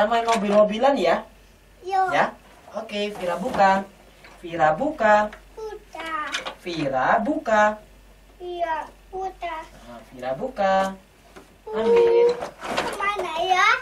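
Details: Adult woman speaking to a young child during play; typical adult speech.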